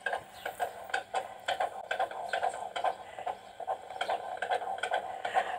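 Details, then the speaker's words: Fetal heartbeat at 16 weeks 3 days of pregnancy, recorded at a midwife appointment with the baby moving around: rapid galloping Doppler whooshes at about 140 a minute; midwife said all was well. "we were able to hear the baby's heartbeat and I was able to record it as well for Dan"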